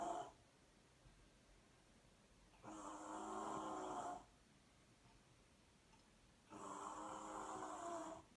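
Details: Rhythmic rough, buzzing snoring during sleep, about 15 breaths a minute with quiet pauses, from a person described as drunk; steady snoring.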